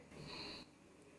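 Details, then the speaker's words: A sleepy female pet snoring in the background while resting at home, until she wakes. "but that's it she was snoring on the background sometimes it does she does that"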